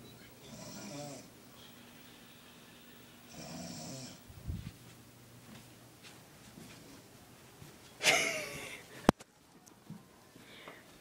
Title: My mom snoring!!